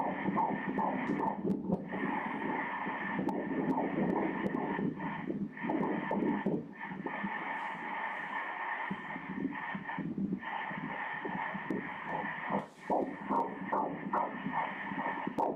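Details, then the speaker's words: Ultrasound at about 13 weeks 6 days of a first pregnancy, baby moving; rapid, whooshing rhythmic fetal heartbeat pulsing, roughly 140 beats a minute. Fetal heartbeat on Doppler ultrasound. "[دکتر] حرکت می کند، به ضربان قلب کودک توجه کنید."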